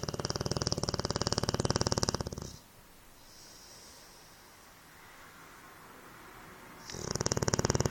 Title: The greatest snoring